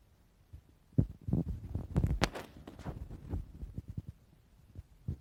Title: Stomach growl